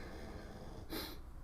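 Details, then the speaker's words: A soft, steady low rumble, then one brief snorting breath from a sleeping dog snoring loudly. "the dog is really snoring loud today hunter you got to knock it off buddy"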